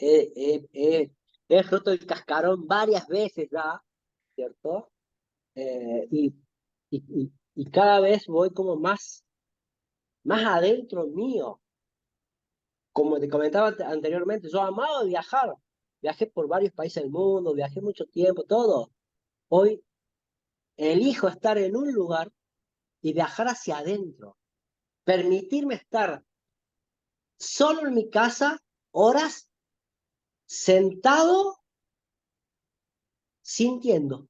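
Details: Spanish-speaking adult male who says he stutters, in spontaneous conversation. Finding: stuttering.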